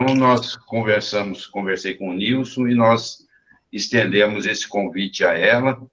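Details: Adult male speaker; Normal speech.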